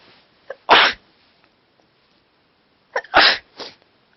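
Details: Person with a cold sneezing while trying to talk: two forceful sneezes, each preceded by a short catching inhale.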